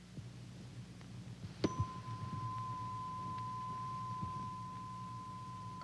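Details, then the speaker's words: Simulated Weber test in a dramatized TV medical episode: a tap, then a sustained pure tone as a tuning fork is placed on an adult male patient's forehead at an otologist's office; heard in the midline. "tuning fork is placed against the forehead to check the balance of hearing between the right and left ear. Weber test heard in the midline."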